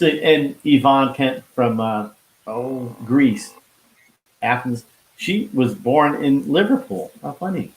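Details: Man who had a heart attack and stroke at age 49 and could not talk at first; he still loses words and says he was told it is expressive aphasia; finding: expressive aphasia.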